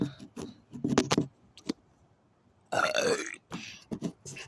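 Several loud belches, one long and drawn out, between short bursts of other sounds.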